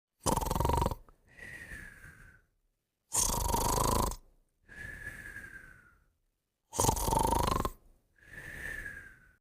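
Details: Heavy snoring with whistling: loud rattling snores on each in-breath, each followed by a softer whistling out-breath, about 20 breaths a minute.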